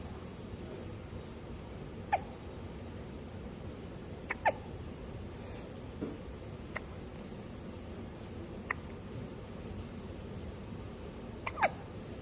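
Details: Brief faint clicking hiccup-like sounds, about six over twelve seconds, against steady background hiss; the recording is described as burping; hiccups.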